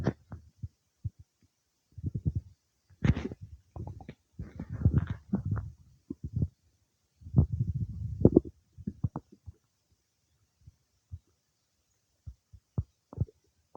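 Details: Bowel sounds some time after eating cake: irregular gurgles, squelches and short pops coming and going over quiet gaps; ordinary stomach rumbling during digestion.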